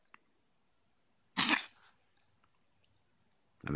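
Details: A dog sneezing: a single sharp, forceful burst of expelled air, then quiet with small clicks and another burst starting.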